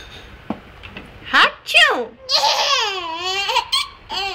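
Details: A brief sneeze-like burst ("a-phew"), then an infant's bubbly laughter and giggling at the sound in a small room. Ordinary sneeze followed by laughter, with no crying.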